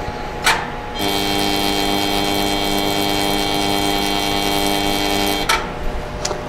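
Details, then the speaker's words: Hand-held CO2 laser firing in pulsed mode at 100 pulses per second, 50 W average power, to superficially zip-strip vaporize apple skin: a steady buzzing electronic tone for about four and a half seconds. "okay you can see that both of those give us a very clean and a very superficial vaporization i didn't even get all the way through the skin of the apple in some of these places"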